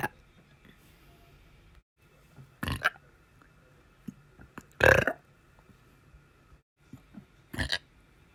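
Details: A person's burping on a day described as having quite a lot of burps: three loud, low belches in a quiet room, each about a quarter to half a second long.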